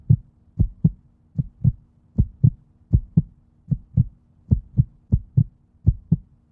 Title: Heartbeat sound #video